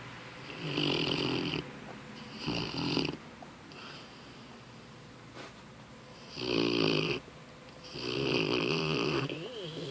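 Four rough, rattling snores on the in-breaths with quiet pauses between, about 25 breaths a minute; snoring in a sleeping puppy.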